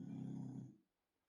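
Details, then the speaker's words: Snoring from a tired dog sleeping in the background after many walks: a single low, rumbling snore fading out in under a second. "so apologies if you can hear the dog snoring in the background he's absolutely shattered bless him"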